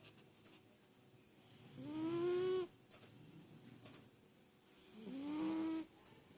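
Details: Two long, rising, tonal snores about three seconds apart, with faint room noise between them; snoring.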